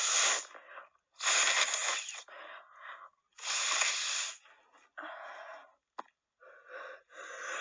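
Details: Three loud, forceful, wet sneezes from a woman with a cold, each followed by quieter breathy sniffing and nasal breaths: repeated sneezing.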